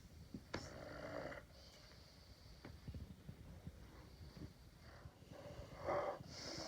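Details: Sleeping dog snoring, with soft nasal snorts and snoring breaths over room noise; ordinary snoring.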